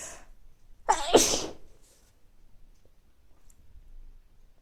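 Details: One forceful sneeze with a sharp intake and explosive burst, then quiet, from a person with recurring mild colds over several weeks, nose not very stuffy but sneezy; sneezing with a cold.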